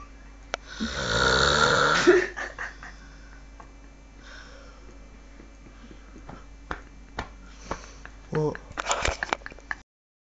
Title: worst snore .. ever..